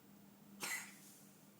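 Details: A single short, harsh, dry cough from a cat named Leopold during a feline asthma attack; no clear wheeze is heard.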